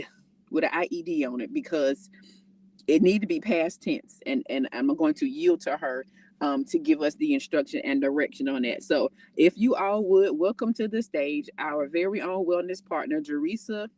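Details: Adult woman speaking; normal voice.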